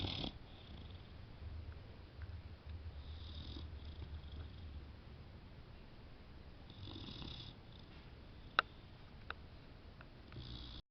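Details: Female boxer dog sleeping peacefully and snoring: soft, low rumbling snores in slow breathing cycles, with a few faint clicks in the room.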